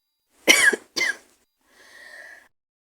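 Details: Person with a cold, sore throat, hoarse voice and headache: two harsh, raspy coughs followed by a wheezy in-breath.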